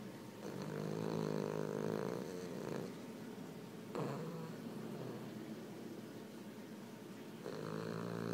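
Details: Sleeping Boston Terrier dog, eyes open, snoring: loud rattling snores, three long breaths in about eight seconds.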